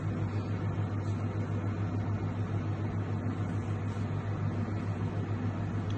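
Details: Steady low mechanical hum and rumble of compressor and circulating pump: Maquet Jostra HCU 30 hypothermia heater-cooler unit running, pump on and water starting to flow, set point 15 °C from current 18 °C.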